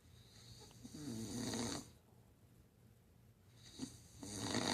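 Two rough, rattling snores on breathing in, separated by a quiet pause; ordinary snoring.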